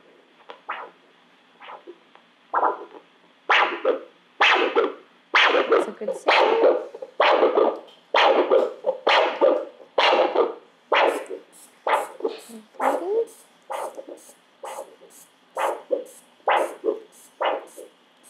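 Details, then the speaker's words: Brachial artery Doppler signal during a toe brachial index demonstration: rhythmic whooshing pulses at about 65 a minute from a Doppler probe beside a brachial cuff on the arm, with brachial pressure about 130; normal arterial flow. "so now we need to take our brachial pressure so we use the brachial cuff and we place it around the arm so i'll just get you to pop your arm out we line up our archery line with the brachial artery and leaving enough space there for your um doppler probe to go in"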